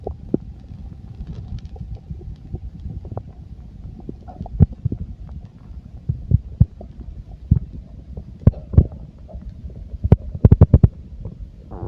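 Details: Full stomach: low continuous rumbling with scattered gurgles and sharp pops; ordinary bowel sounds.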